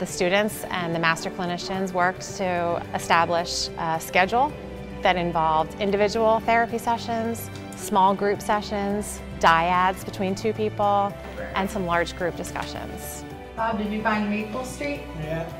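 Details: Adult female narrator; normal speech.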